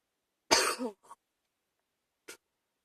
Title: # 88 chest cold evening cough